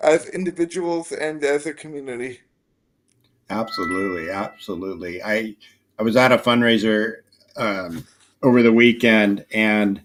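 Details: Dysarthria in a 27-year-old man with spastic quadriplegic cerebral palsy from a brain injury at premature birth (three months early, triplet), affecting his motor function, balance and speech; real, not acted.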